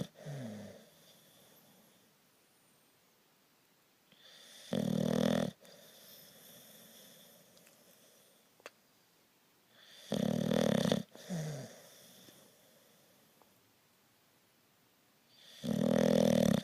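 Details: Sleeping dog snoring: loud rasping snores about every five to six seconds, with quiet breathing between.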